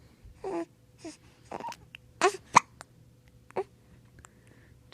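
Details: A 3-week-old baby in a quiet room making a few brief, sharp catching sounds at irregular intervals; infant hiccups.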